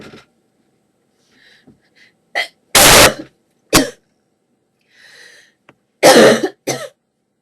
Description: has a sneezing fit and coughs as well